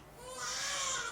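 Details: An 8-day-old girl in the NICU for severe neonatal jaundice (bilirubin 26.7), with an IV, gives a thin, rising newborn cry that builds in loudness over about a second.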